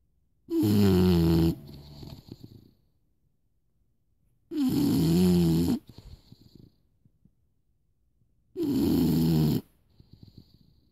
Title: Morning duelling snoring :)